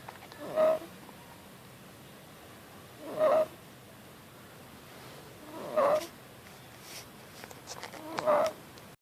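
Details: Inspiratory stridor in a 4.5-month-old baby girl, with mild chest retractions but no signs of respiratory distress: four regular, high-pitched crowing noises on each breath in, about 23 a minute, louder during the day.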